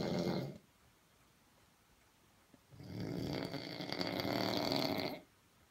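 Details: Snoring from a man who is drunk.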